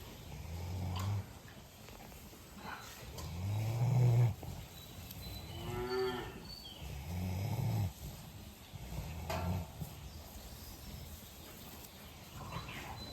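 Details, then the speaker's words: Calf, owner suspects pneumonia, otherwise active and drinking, temperature about 39.5 °C, injected two days; harsh rasping breaths with intermittent whistling, honking wheeze from the throat; inspiratory wheeze (laryngitis). "I have this calf here with what I think is pneumonia. Um it's Tuesday after the bank holiday. I'm going to try and send a video on to the vet, but um like he looks healthy and he's drinking, he's running around, but at certain times he has the worst weeze."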